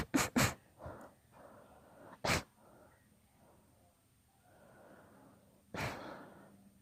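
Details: Induced sneezing fit, part of a long session: several explosive sneezes, two in quick succession, with breathy in-breaths between them.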